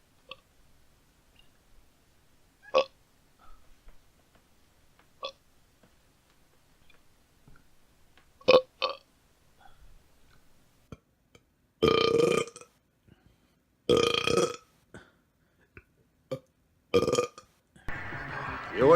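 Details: Several loud, drawn-out belches after a few faint ones, with quiet gaps between; burping montage.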